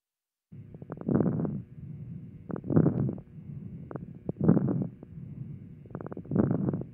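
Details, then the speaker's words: Educational lesson on lung auscultation (pneumonia/respiratory exam teaching): breath sounds with brief popping crackles through both inspiration and expiration, moist rales. "lesson 4 inspiration and expiration crackles or most rails"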